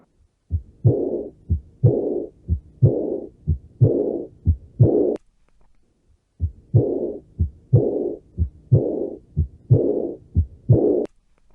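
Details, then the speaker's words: Aortic regurgitation (aortic valve fails to close fully after ejection): a regular heartbeat near 60 a minute with a blowing diastolic murmur after the second heart sound in each beat. "insuficiencia aórtica en este caso la válvula aórtica tras dejar pasar la sangre del ventrículo izquierdo a la aorta nos cierra completamente de forma que se oye una vez terminada la contracción del ventrículo es decir durante la diástole y se escucha de la siguiente manera"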